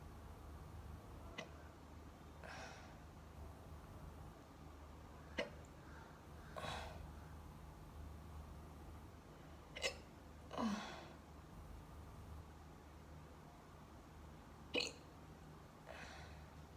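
Brief sharp catches at irregular intervals, several seconds apart, each followed by a soft breath; repeated hiccups over steady background hum.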